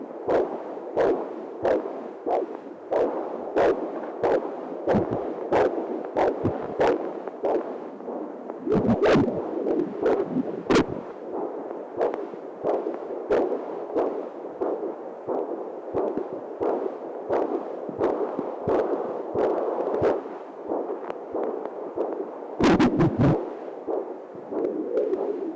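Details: Unborn baby's heartbeat heard by a mother on ultrasound Doppler: rhythmic whooshing thumps over a steady hiss.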